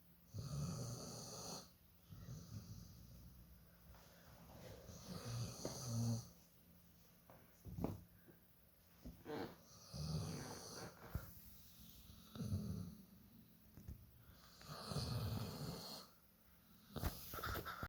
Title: Dog snoring loud🤣